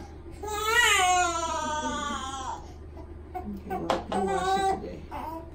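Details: Newborn baby boy during his first bath, water poured toward back of head: high, wavering cry rising and falling in two bursts over water sounds and room noise, soft music underneath; newborn crying.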